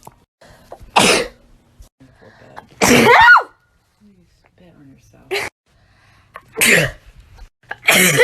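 About five sharp, explosive sneezes in a row, separated by short quiet gaps with faint breaths and murmurs.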